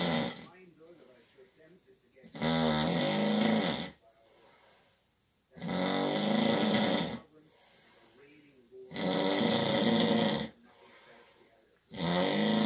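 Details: Sleeper snoring in the dark at night, keeping the recorder awake: loud, rattling snores on each breath in, about 18 a minute, separated by quiet breathing out.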